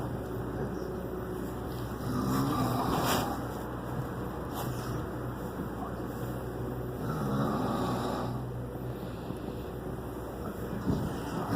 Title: Snoring in the dark...could you sleep to this. Oh and the fan is even going.